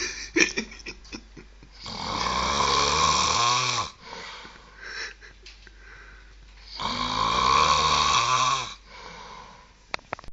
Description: unkle snoring down unda